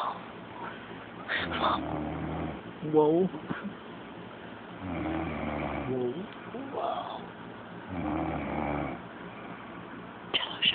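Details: A sleeping person snores: low rattling snores on each breath, about three in ten seconds, with faint background noise.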